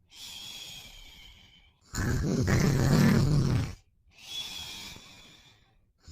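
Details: Boyfriend snoring, sleepy after a long day, acted in a role-play: slow breaths with one loud rumbling snore on the inhale, then quieter exhales.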